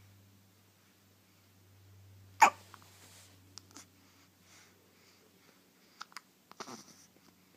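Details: First hiccup of a 4-day-old newborn: one sharp, abrupt catch of breath, then a few softer clicks and sounds in a quiet room; infant hiccup.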